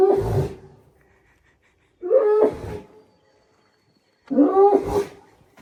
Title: Have you ever heard a bull sneeze?? Listen to the echo 💥 🤯